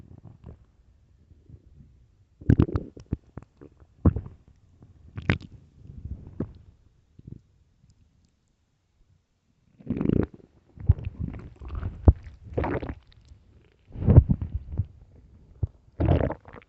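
Low gurgling rumbles and squelches in bursts with quiet gaps; ordinary stomach growling, normal bowel sounds.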